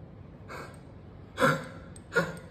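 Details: Cough and gagging in a dog with congestive heart failure: two harsh, honking hacks with a gagging quality after a faint breath.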